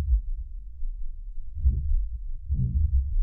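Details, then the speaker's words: Normal elephant heartbeat: low, deep thuds spaced far apart. Very slow, much slower than a human's; same heart chambers as humans. "And that's what it sounds like. So that is the heart of an elephant."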